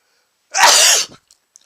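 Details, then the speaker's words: Single loud explosive sneeze provoked by sniffing a lot of chhinkni (sneezing powder), then quiet. "hey everyone I just sniffed some [ __ ] into my nose and it's making me sneeze"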